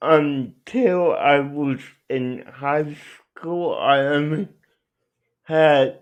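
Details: Adult male speaker; dysarthria.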